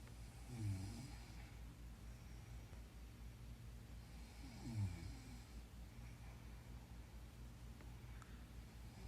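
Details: Adult woman asleep: two low rumbling snores about four seconds apart over steady low background hum; snoring during sleep.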